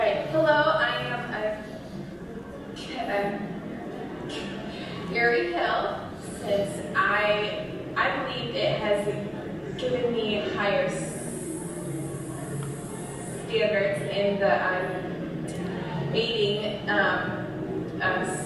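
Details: Stuttering (stammering) with word repetitions, prolongations, filled pauses and broken words.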